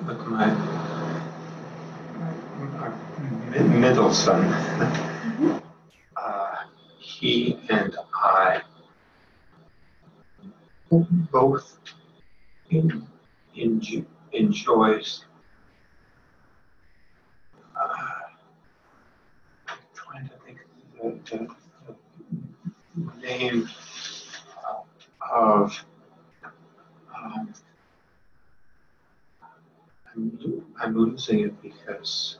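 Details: Progressive non-fluent aphasia associated with frontotemporal dementia, presented as a typical example; agrammatical, effortful speech with trouble on pronouns and prepositions, single-word comprehension intact; non-fluent variant primary progressive aphasia.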